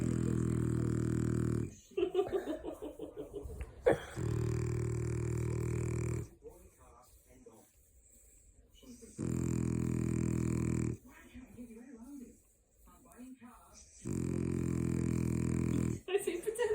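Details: Fake snoring by a French bulldog taken in as an emergency rehome: loud, low, rumbling snores at a steady rhythm, about four in 17 seconds, with quieter snuffling between them.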